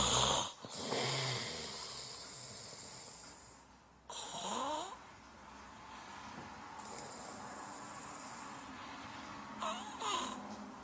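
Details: Sleep snoring: rough, rattling breathing noises during sleep with some background noise.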